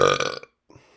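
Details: One short, loud, voiced belch after drinking seltzer, cutting off into silence with faint room noise; burping.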